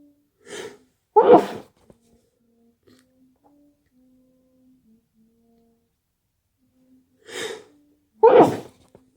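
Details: Two itchy sneezes, each with a sharp inward breath before the burst, in a quiet room.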